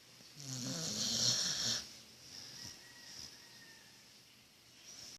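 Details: Sleeping dog snoring: a single rattling snore on an in-breath, then quiet breathing against room hiss.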